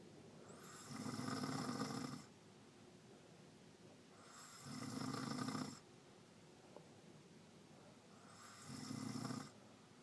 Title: Grandma still snoring